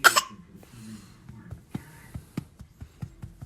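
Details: A baby gives one short, forced cough followed by soft throat and mouth sounds, a playful voluntary (fake) cough.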